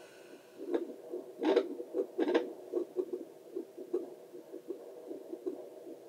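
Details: Relaxing adult heartbeat heard with a Doppler, normal rhythmic whooshing pulses.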